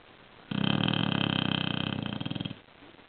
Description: bruce the snoring bulldog